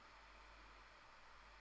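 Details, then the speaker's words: Endoscopic microsuction of tough, embedded ear wax in a hairy ear canal; steady rushing hiss of the suction tube held on the wax in the canal. "just trying to get a bit of a grip on this there you go so just holding the suction on the wax there"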